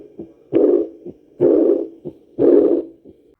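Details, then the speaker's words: Stethoscope bell at the aortic focus (second right intercostal space, next to the sternum) during an auscultation-maneuver demonstration, patient leaning forward: a regular heartbeat at about 60 a minute with clear first and second sounds; normal heart sounds. "Este foco se encuentra a nivel del segundo espacio intercostal en la línea medio esternal derecha. Contamos aquí 1, 2 y aquí tenemos que auscultar. Nos colocamos el estetoscopio y auscultamos."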